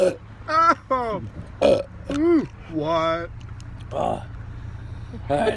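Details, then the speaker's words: Man with frequent burping for at least 4 years, after smoking weed, burping out smoke: a run of loud, voiced burps, several in quick succession with short gaps, over low room hum. "So what's the story? When did these burps start? What's the story behind these burps?"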